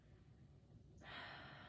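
A quiet pause, then one smooth, airy deep breath with no wheeze or crackle; normal deep breathing with clear lungs.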